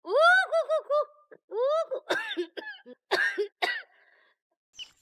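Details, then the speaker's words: Acted scene: an adult mother gives a run of repeated harsh coughs, some voiced and strained, a persistent cough that won't get better; cough. "Mom, what's wrong? You keep coughing. Let me help you. It just won't get better."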